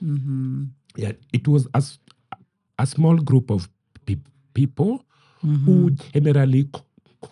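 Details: Adult man who stammers, which he says is genetic, inherited from his mother, and at times acute; word and part-phrase repetitions heard; stuttering.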